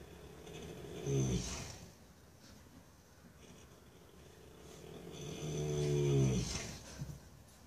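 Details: 4-year-old Paso Fino gelding (horse) snoring, which he does every night: two slow, rattling snores with quiet breathing between, in a quiet room.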